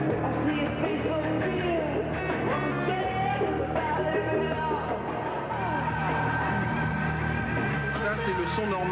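Loud rock concert music with full bass and bright treble, played unaltered as the normal-hearing reference before a hearing-loss simulation.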